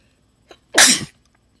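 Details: A short intake of breath, then one loud, explosive sneeze that the person was deliberately trying to produce on camera.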